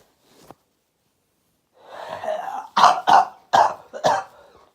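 A noisy rushing breath, then four sharp explosive bursts in quick succession; sneezing and coughing with a cold.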